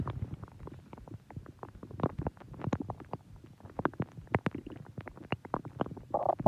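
Rapid irregular gurgles, pops and rumbles of gas and fluid moving through the gut; ordinary stomach growling.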